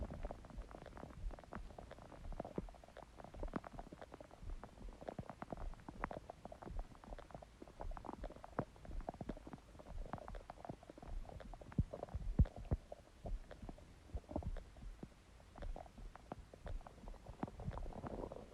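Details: Empty stomach growling: soft irregular gurgles and rumbles; normal bowel sounds, borborygmi.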